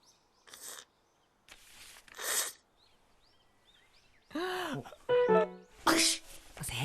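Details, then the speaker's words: Acted sneezing by the animated character Haruka (Free! – Iwatobi Swim Club): a few breathy sneeze bursts over music and nature sounds; friend jokes someone is gossiping, though likely a cold from swimming in a pool in April. "死んだばあちゃんが言ってた。くしゃみするのは誰かが噂してる時だって、それきっと凛ちゃんだよ。"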